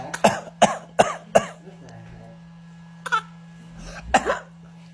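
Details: Baby girl deliberately fake coughing to mimic her parents for a couple of days: a quick string of four short fake coughs then throat clearing, voluntary cough.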